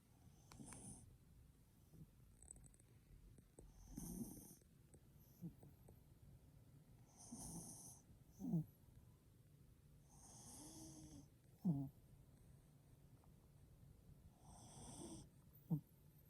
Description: Chihuahua snoring loud, so funny and cute! 😊 #dog #funnydog #pomchi #chihuahua #harrythepomchi #hund #lebronjames